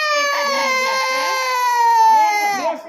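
One long, high-pitched, sustained wail that slowly falls in pitch, an infant crying during a blood test.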